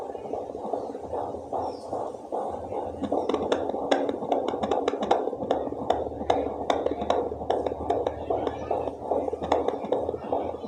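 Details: Fetal heartbeat found with a home fetal Doppler: fast, regular whooshing pulses at about 150 a minute.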